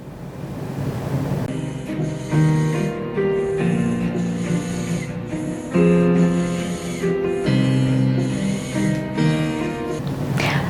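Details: Child clinical case, noise audible without a stethoscope: stridor from an inhaled foreign body (toy whistle).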